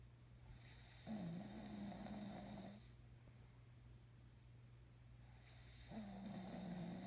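Two long, low, rattling snores about five seconds apart, over steady room hum; ordinary snoring at roughly 12 breaths a minute.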